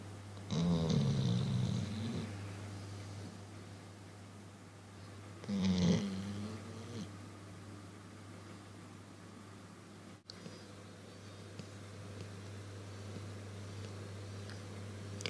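Two rough, low, rattling snores over a steady hum of room noise, separated by a quiet stretch; ordinary snoring.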